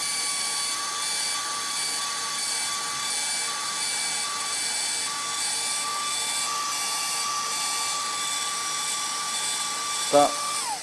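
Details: Steady high-pitched mechanical whine with hiss throughout, ending abruptly: an atherectomy catheter running on activation during a live endovascular case, after slow advancement of about one centimetre at the re-entry point.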